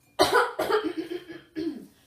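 Three short, harsh, voiced bursts of forceful throat clearing in a quiet room, acted as a vocally abusive habit.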